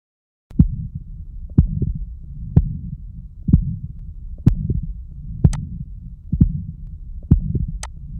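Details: Subaortic stenosis murmur: steady heartbeat near 61 a minute with a low whooshing murmur filling the gaps between beats.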